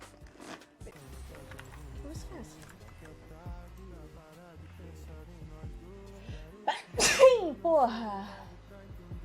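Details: Streamer with allergies, who wonders whether it is flu: music and a man talking, then a sudden loud sneeze with a sharp in-breath, followed by a quick exclamation.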